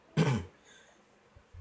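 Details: An adult man lecturing live gives a single short, forceful throat clear, after coughing and voice trouble, followed by quiet room noise; throat clearing.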